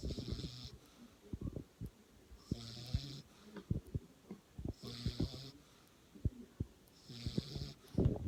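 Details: Sleeping subject with regular low, rattling snores about every 2 seconds (roughly 15 breaths a minute) and soft hissing between them; snoring.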